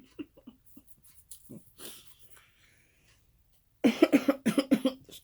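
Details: Adult woman coughing while eating chicken wings and fries, reporting a lingering cold: chewing and quiet mouth sounds, then a run of rapid, rough coughs over about 1.5 seconds.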